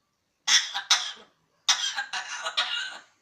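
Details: A pet parrot gives two runs of thin, high-pitched cough-like bursts, parodying the sound of coughing rather than truly coughing; imitated cough.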